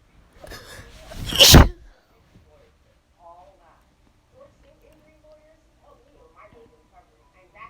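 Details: Person who thinks they caught a cold gives a single loud, explosive sneeze after a short build-up breath, followed by quiet room sounds; sneeze.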